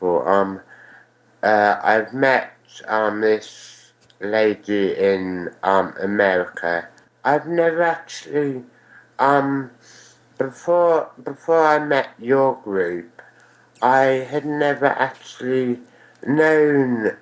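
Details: Ataxic dysarthria in a male whose cerebellar astrocytoma was diagnosed at age 4 and removed at 5. He also had a brain haemorrhage, meningitis and a stroke at 4. He believes the tumour caused his ataxia, which affects balance and speech.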